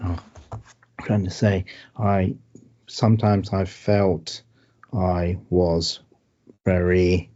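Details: Adult man with aphasia after a stroke, with word-finding problems and great difficulty with numbers; real patient speech; aphasia.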